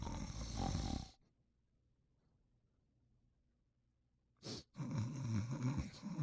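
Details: Sleeping and snoring: low rumbling snores separated by a quiet pause, with a short snort between them.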